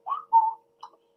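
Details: Adult man, married father, with late-onset full-blown Tourette syndrome for ten years, severe motor and vocal tics including coprolalia, plus ADHD, OCD, sensory processing disorder; whistling vocal tic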